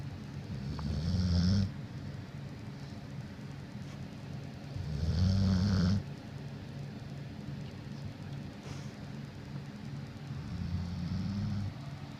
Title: Jax The Snoring Pit Bull